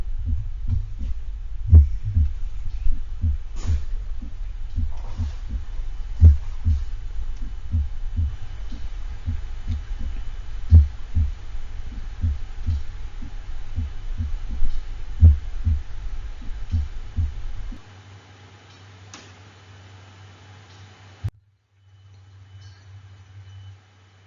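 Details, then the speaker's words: Heart sound simulator recording of an animal with third-degree AV block: relatively fast ventricular escape rhythm, with soft S4 sounds possibly noticeable between S1 and S2. "and finally we'll listen to a heart sound simulator recording meant to identify an animal with third degree av block a relatively fast ventricular escape rhythm but you may be able to notice soft s4 sounds between the s1 and s2"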